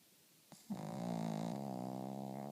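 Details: One long, low, buzzing snore lasting nearly two seconds; a single snore.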